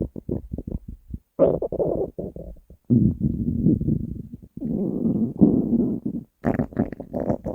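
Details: Hungry stomach growling (borborygmi) recorded from the uploader's own stomach: gurgling, rumbling stretches and bubbly pops with short pauses between them.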